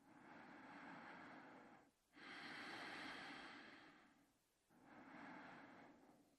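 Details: Man asleep in his bed: long, loud, rough breaths with brief pauses between them; heavy snoring during sleep.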